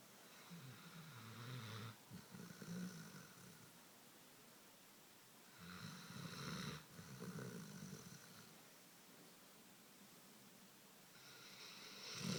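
Slow, rough, rattling snores from a sleeping dog, roughly 12 breaths a minute, with quiet pauses between.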